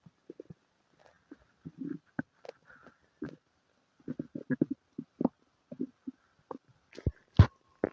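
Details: Stomach noises with diarrhea and farts: quiet, irregular low gurgles and squelching bursts, clustered and uneven over about eight seconds, as in borborygmi (bowel sounds).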